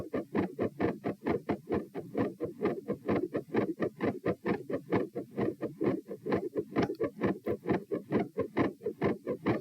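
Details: Heart sounds recorded on a phone at position p while standing (some volume lost): fast, squeaky tachycardic beats with split sounds, a midsystolic click and a soft murmur near S1.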